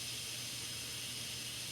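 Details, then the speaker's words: Steady hissing water spray from a dental air-water syringe rinsing acid etchant off a tooth during a composite restoration, before air-water combination and drying. "until i can see that most of that effort is gone and then if i need to i can do the car wash right the air and water combination"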